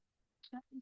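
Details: Patient's voice reading a standard text, perceptually rated entirely normal on GRBAS (G0, R0, B0, A0, S0); normal voice.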